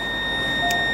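Steady high-pitched electronic tone from a defibrillator prompting the user to press the charge button during its self-test.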